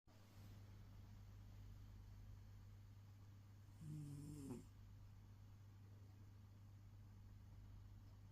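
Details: Ginger pet cat asleep and snoring; snoring.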